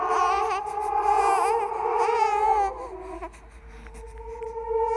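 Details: Horror sound-effect track made from recorded and edited creepy sounds: a wailing, rising and falling infant-like cry over eerie background music.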